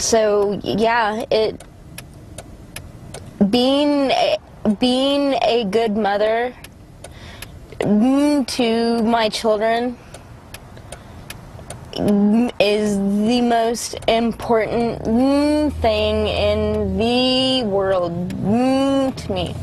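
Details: Adult woman with congenital cerebral palsy affecting motor functions, with right-sided weakness and pain, producing a severe stutter as a result; stuttering.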